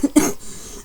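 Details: Single short, harsh cough from an adult with a mild flu (new strain, onset December 29th) who earlier had a bad cold with coughing fits treated with albuterol, nebulizer, cough assist and chest percussion.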